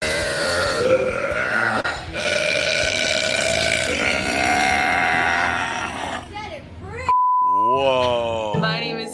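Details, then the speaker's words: Very loud, rough belch from a woman attempting the world record for loudest female burp, measured on a decibel meter, followed by a brief beep and a voice. "this is for the Guinness book of the loudest burps by a female she has the loudest burps in the world y'all"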